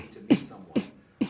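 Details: Three abrupt, brief vocal bursts at regular intervals: simple vocal tics in an adult man, a police officer, with Tourette syndrome.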